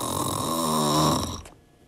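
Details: Snore recorded on a phone: a loud, rough, buzzing snore on a single in-breath lasting over a second, then quiet room noise; typical snoring.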